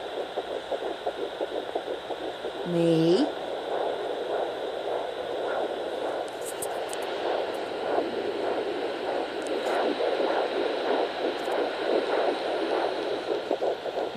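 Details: Fast, whooshing fetal heartbeat pulses on a home Doppler, heard alternately with the slower maternal heartbeat for comparison, plus a brief squeak from moving the probe.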